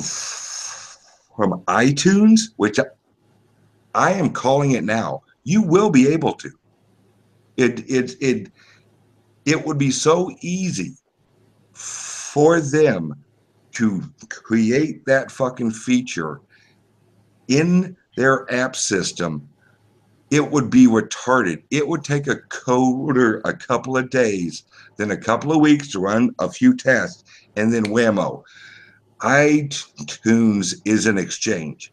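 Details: Male podcast guest's self-reported speech impediment, type not specified; disfluent speech heard. Finding: speech impediment.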